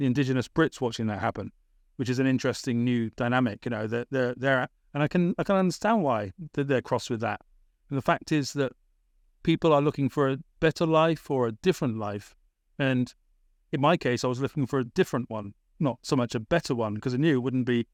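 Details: Adult British man, born 1975, with a persistent stammer that was a big issue around age 28–29; he had speech therapy in Britain after his Masters; stammering.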